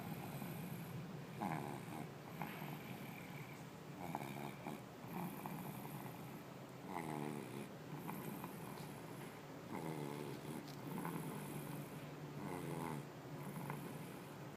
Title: Snoring in the car